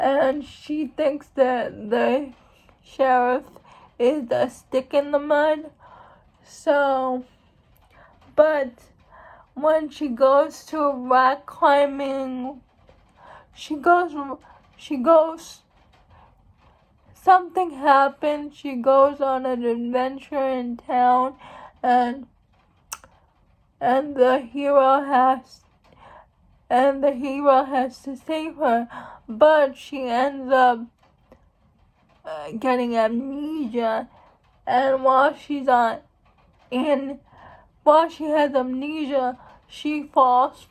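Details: Female speaker who states she has cerebral palsy, real condition; speech in cerebral palsy (mild dysarthria).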